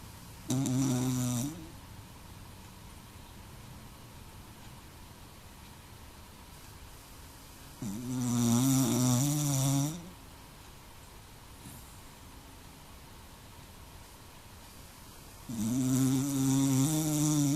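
Three loud, rough, buzzing inhaled snores about 7 to 8 seconds apart, roughly 8 breaths a minute, with quiet between them. Snoring.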